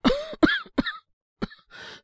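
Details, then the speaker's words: Simulated cough, acted by a male-voiced performer portraying a young man with a cold since yesterday, no fever, sore throat or runny nose: three quick dry coughs, a pause, a short cough and a breathy exhale. "咳が止まんなくて。喉が痛いとか、鼻水が出るとかそういうのはないんですけど、本当に、喉ってか咳こんな感じとか続いてる感じっすかね。"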